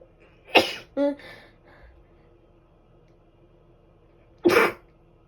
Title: I'm tired from sneezing too much🤧 #sneez